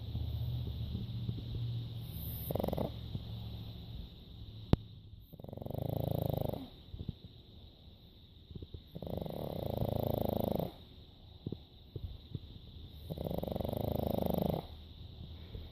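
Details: A female pug napping, with rhythmic rumbling snores on each breath, four in about sixteen seconds, roughly 15 breaths a minute; snoring.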